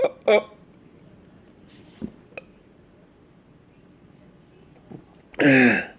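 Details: Patient with persistent intractable hiccups since December 2015, plus breathing and choking spasms, recorded August 2017: sudden, sharp voiced hiccups with a long burst near the end, a spasm; hiccups every 1-3 seconds.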